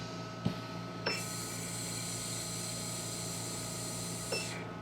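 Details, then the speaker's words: Oxygen concentrator for newborn puppy care: steady machine hum with button clicks; airflow hiss rises after tapping the nebulizer button and drops back when tapped again to return to oxygen mode. "if you're going to use the nebulizer function you just tap the nebulizer button"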